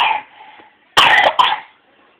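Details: Child singing; the sung note fades, then two sharp coughs follow in quick succession, the second shorter.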